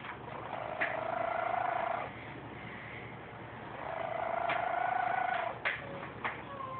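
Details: Two drawn-out, whistly, nasal snores from a sleeping house cat, each lasting over a second, with faint room noise between; snoring.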